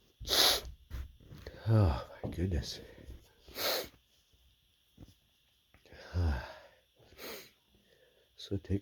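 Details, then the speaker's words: Bout of about six stifled sneezes from an itchy, tickly nose, with quick inhalations between them. "Another sneeze. Chew. Oh my God, that was a lot of sneezes."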